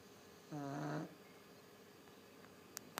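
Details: Sleeping pug snoring: a single short, buzzing, rattling breath sound, consistent with snoring through a narrowed upper airway, over faint room noise.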